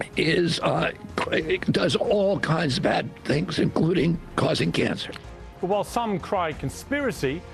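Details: Adult man with spasmodic dysphonia: he reports a very strong voice until age 42, then a neurological disorder he calls spasmodic dystonia, caused by an injury in 1996, affecting his voice.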